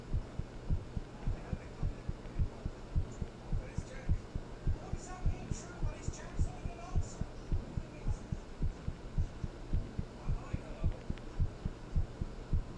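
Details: Steady, regular low heartbeat thumps at about 107 beats a minute with a faint background hum; normal heartbeat.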